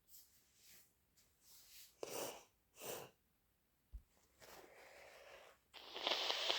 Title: Harsh, wet induced sneezes